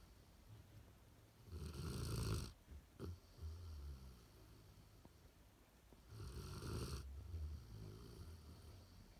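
Two soft, fluttering snores on breathing in, with quieter breathing between them in a quiet room: a dog snoring in sleep.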